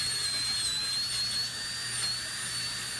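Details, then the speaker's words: Dental handpiece run at low speed to polish teeth right after braces removal, kept slow because the teeth may be sensitive: a steady high-pitched whine over a faint low hum. "Chad is getting his teeth all polished up. Well, even though the sound is a dental handpiece, we don't have to run this at super high speeds."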